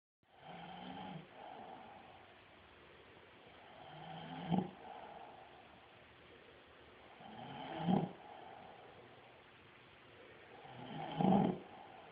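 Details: Heavy snoring from a deeply sleeping subject, undisturbed by camera flash, birdsong, sirens and barking dogs: loud rattling snores about every 3.5 seconds, roughly 18 a minute, each rising to a harsh peak.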